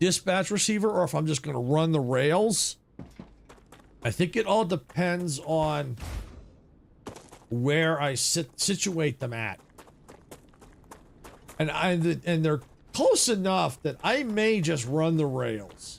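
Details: Natural stuttering in a male streamer, present in childhood, resolved, now returning as he gets older; he says typos or game autosaving can trigger it; stuttering on words.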